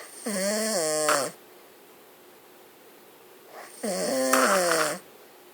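Two loud, buzzing, pitched snores about three seconds apart with quiet between; ordinary snoring.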